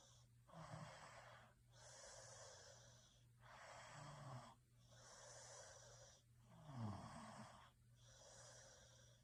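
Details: Snoring during sleep: slow, noisy breaths with rough, rattling sounds on several breaths, about 20 a minute, under a steady background hum.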